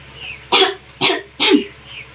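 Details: A nurse teaches a female patient who struggles to bring up sputum the deep-breathing and effective cough technique: three forceful, breathy, acted cough bursts about half a second apart.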